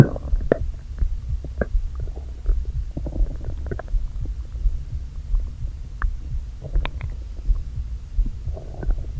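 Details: Bowel sounds from a person who had not eaten all day, with the stomach partly inflated with air during recording: low rumbling and hollow, empty-sounding gurgling groans, with bubbly pops as air shifts back and forth.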